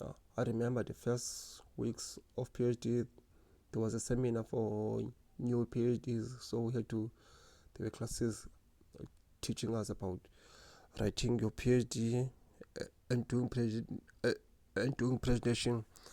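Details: Stuttering in an adult man who has stuttered since grade 1 or 2.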